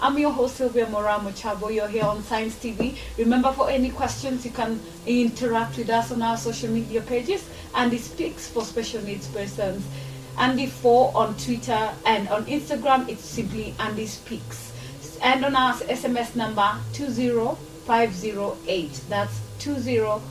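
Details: Adult woman speaking; normal speech.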